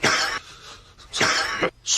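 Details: Two short, sharp dry coughs about a second apart, from a Korean historical TV drama scene where a king demands to know who coughed; cough.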